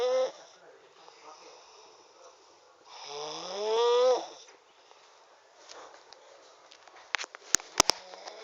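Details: A loud rattling, rising snore on one breath, with quieter breathing and a few clicks around it; snoring during sleep.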